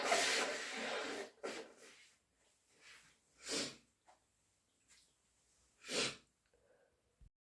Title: Induced/natural cat allergy sneezes plus a blow